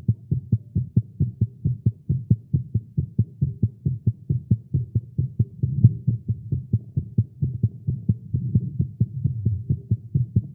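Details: Male's rapid, steady low thumping heartbeat at about 130 beats a minute, recorded live after exercising with caffeine; tagged irregular heartbeat; fast heartbeat.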